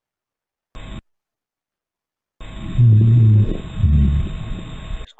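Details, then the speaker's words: Auscultation simulator, lung sounds demonstrated in a teaching session: two low-pitched, snoring continuous rhonchi over coarse background crackles, with wheezes also noted, as in asthma. "Fíjense aquí ya se escucha las sibilancias, los roncos y demás."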